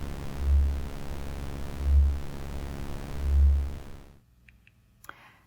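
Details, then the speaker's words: Simulated pulsing-hum tinnitus: a low hum over hiss, swelling about every 1.5 seconds, roughly 40 pulses a minute. "Now I will play a series of sounds that represent the typical types of tinnitus percepts people report hearing. Ringing. Teapot whistle. Crickets. Electric ringing. The ocean. Whooshing. High whistle. Pulsing hum."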